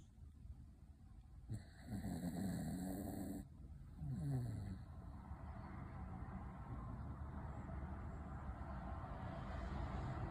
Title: My dog snores like a man